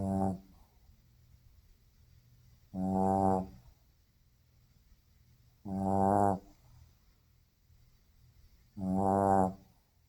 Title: World's loudest snoring Shih-Tzu